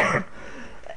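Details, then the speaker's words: Adult with stomach bleeding that they attribute to ibuprofen (Nurofen), so they cannot take cough mixture; one brief, rough cough that fades quickly in a quiet indoor room, recorded while chatting. Cough. "too well I don't want to hear my coughing any I'll try and suppress that but I can't take cough mixture at the moment because it's not good for the bleeding on my stomach"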